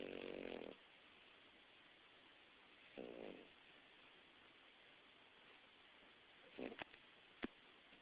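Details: Snoring as a baby, recorded in the dark: a few rough, buzzing snores a few seconds apart over steady background hiss, with a couple of clicks.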